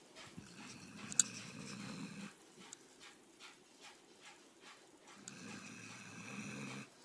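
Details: Sleeping dog snoring: low, rumbling breaths at the start and end with soft snuffling in between.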